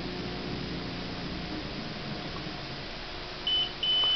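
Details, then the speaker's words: Hospira Gemstar infusion pump during a preventive-maintenance air test: quiet room hum, then two short high beeps as air in the line is detected and the test passes. "And air in line detected, test passed, arrow down again, test complete, attach printer and print results."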